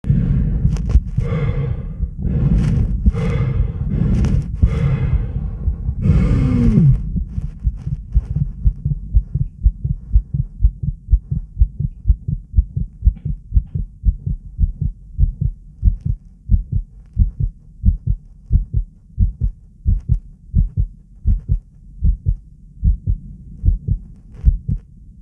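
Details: Controlled bradycardia: strong, steady low heart thumps at about 60 beats per minute after a few seconds of breathing noise.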